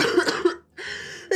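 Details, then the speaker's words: Young person with a throat cold, one of three colds since military enlistment, coughing with every word: a short burst of two harsh coughs, a brief pause, then a breathy follow-through. "들리십니까 여러분? 진짜 오랜만에 폰는데 한마디 할 때마다 기침이 너무 나서 금요일부터 주말보다는 많이 나아졌어요."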